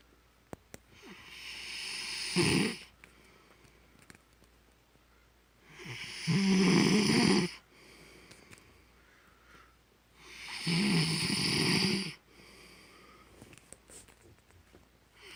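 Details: Husband's very loud snoring: loud, rattling snores on each breath in, about 13 a minute, with quiet pauses between.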